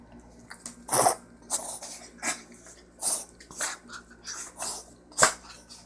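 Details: A pet animal gives a run of about eight short, harsh, noisy coughing bursts, described as coughing weird; an abnormal cough.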